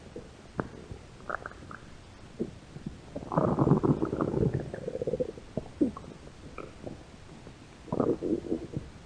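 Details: Stomach growling from two hungry women.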